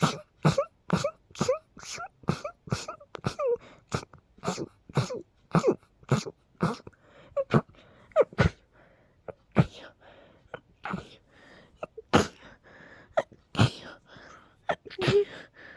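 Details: Sneezing fit in a person with a cold and allergies, recurring every couple of hours: rapid run of about 25 sharp sneezes, close together then spacing out with gasping breaths.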